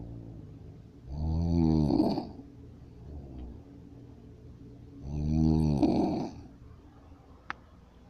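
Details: Ordinary heavy snoring: two loud, rattling inhaled snores about four seconds apart, with quiet breathing between.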